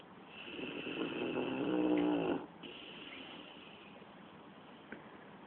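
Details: Sleeping animal snoring, recorded June 2010: one long, rising, fluttering snore on the in-breath, followed by a quieter breath out.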